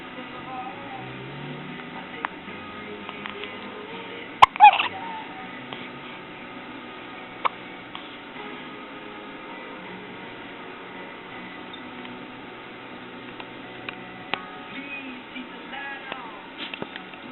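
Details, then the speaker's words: Soft, sharp hiccups every few seconds from a 9-day-old baby, with quiet background music; infant hiccups. "okay, baby. Grace has the hiccups."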